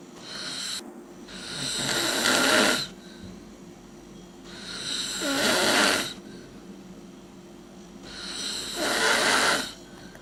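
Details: Three loud, rasping snoring breaths in about ten seconds, roughly 18 a minute, with quieter pauses between; snoring.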